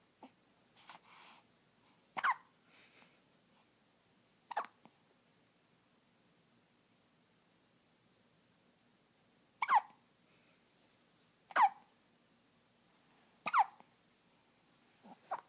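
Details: A first episode of hiccups: soft, sharp little hiccups, about thirty a minute, with quiet breathing between them, in a quiet room.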